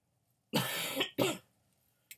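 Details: Two harsh, loose cough bursts in quick succession, then a brief throat sound, from an adult sick with mucus, phlegm and a lung infection (suspected sinus infection, bronchitis or pneumonia), on medicine; productive wet cough.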